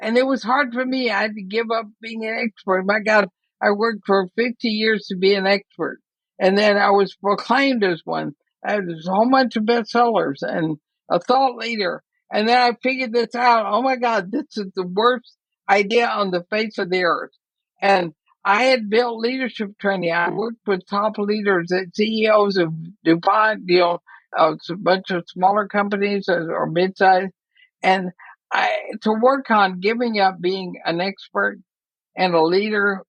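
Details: Woman near 80 diagnosed with ALS (Lou Gehrig's disease); she reports quite a bit of speech trouble but feels still intelligible; dysarthria (ALS).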